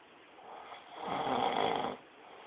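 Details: Person snoring: one loud, rough, fluttering snore on an in-breath lasting about a second; ordinary snoring.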